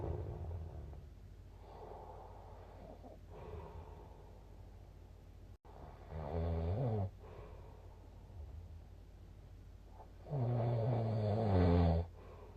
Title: いびき（snoring）2/15/2024 その18